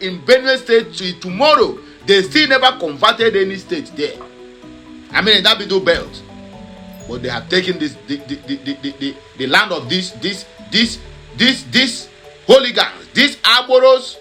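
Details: Adult man who says he stammers but usually hides it, stammering more when held up; word repetitions audible; stuttering.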